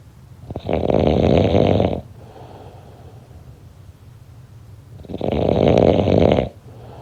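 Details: Two loud, rough, rattling snores on breathing in, about 4 seconds apart, with quiet breathing out between, roughly 13 breaths a minute; heavy snoring during sleep.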